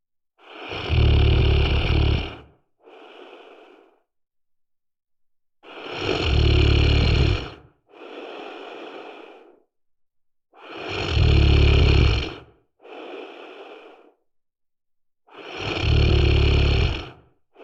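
Loud, rattling snores on each breath in, each followed by a softer breath out, about 12 breaths a minute: heavy snoring.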